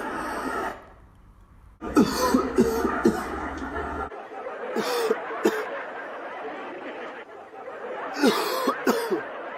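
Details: Cough from Puebla's governor during a press conference amid the coronavirus outbreak.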